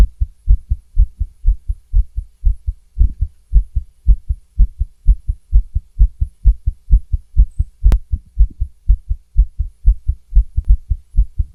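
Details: Female heartbeat recorded through a stethoscope: fast, about 120 beats a minute, with an uneven rhythm and occasional skipped beats; tachycardia with irregular beats.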